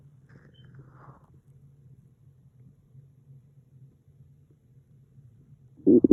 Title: Hungry stomach noises